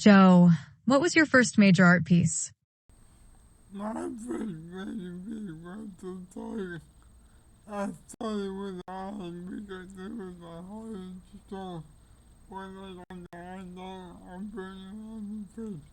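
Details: Older man with cerebral palsy; dysarthric speech.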